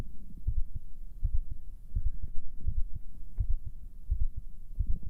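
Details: Deep, regular paired thumps at about 80 beats a minute, with faint low rumbling of stomach sounds underneath, picked up by an ASMR microphone; a normal heartbeat.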